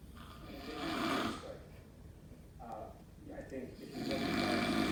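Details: Heavy snoring: loud, rough, uneven snorting snores with gurgling breaks between them.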